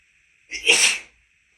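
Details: Male with an allergy attack after visiting a house with a cat; at the end of a long sneezing fit, with false starts, a single sharp, hissing sneeze of about half a second in a quiet room.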